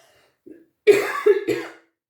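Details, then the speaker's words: Adult woman: a faint throat sound, then two close, sharp coughs in quick succession. "Oh, mais c'est horrible, je suis désolée. Je sais que quand on écoute les vidéos et que la personne tousse en face, c'est vraiment pas agréable au niveau des oreilles, au niveau des tympans."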